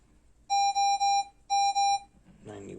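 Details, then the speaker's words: Pulse oximeter alarm: two groups of steady electronic beeps as a special-needs daughter's oxygen saturation reads 92%. The alarm sounds below 93%, and she gets oxygen below 93%. "it starts beeping at us below 93. we always give her oxygen if she goes below 93 and right now it's 92."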